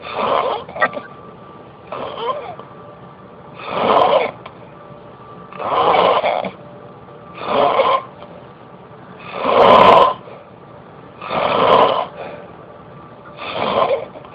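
Rough, rattling snores come in steady cycles, roughly eight in fourteen seconds, with quiet breathing between them. Ordinary snoring.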